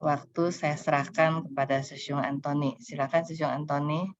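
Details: Adult woman speaking Indonesian; Normal speech.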